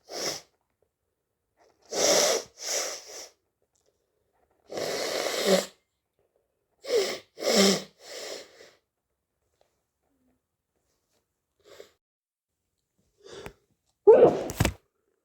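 A run of about six sharp sneezes, with quick inhalations and sniffs between them; repeated sneezing from hay fever.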